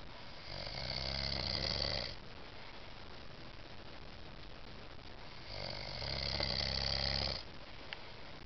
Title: Snoring!!